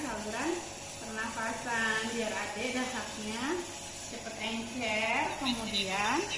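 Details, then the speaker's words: Steady mechanical hiss of a running nebulizer delivering salbutamol diluted with saline to a young child with a cough, with the child's high, wavering vocal sounds; nebulizer running. "dan hari ini mau Nebu ini dari belakang lagi sakit lagi batuk jadi di Nebu ini isinya obatnya adalah asal asal Nebu asal Salbutamol"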